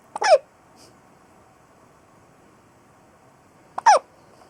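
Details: Hiccups in a boy (son): two sharp, sudden hiccups about four seconds apart against a quiet room.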